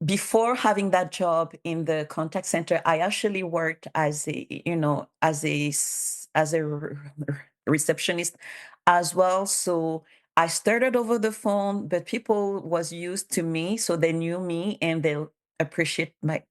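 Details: Bilingual adult woman who stutters, has self-declared her stutter as a disability, and cites speech therapist documentation; her real conference speech shows sound and word repetitions, consistent with stuttering.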